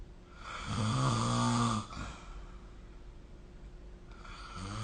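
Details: Snoring recorded with the SnoreLab app during sleep: deep, low, fluttering snore on inhalation, quieter exhalation, then the next snore.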